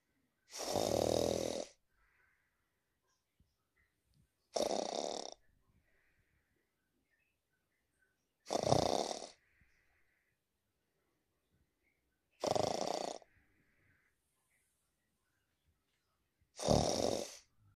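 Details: Bob lying down asleep: loud rasping snores about every four seconds, roughly fifteen breaths a minute, with quiet pauses; snoring.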